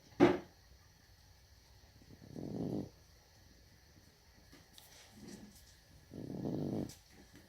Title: Cat snoring